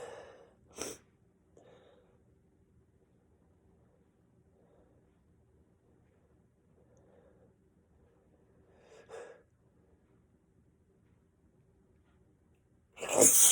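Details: Male adult with a cold caught on New Year's Eve, sneezing fit the next day: three sharp sneezes spaced several seconds apart in a quiet room, soft breathing between.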